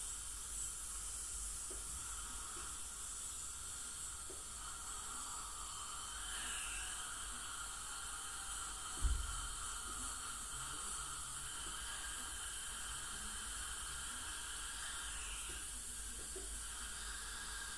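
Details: Ultrasonic scaling by a dental hygienist on a patient with heavy plaque and tartar, possibly gingival inflammation or full-mouth debridement: continuous hiss of water spray and suction with a faint high whine.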